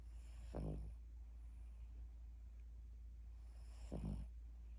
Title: snoring